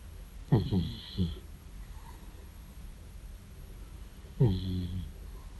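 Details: 14-year-old cat asleep: two low, rumbling snorts about four seconds apart during sleep breathing in a quiet room; snoring.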